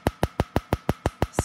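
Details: Laser treatment of a man's large cover-up tattoo with heavy ink volume at a tattoo removal clinic: rapid, evenly spaced sharp snapping clicks, about six per second, the tattoo removal laser pulses.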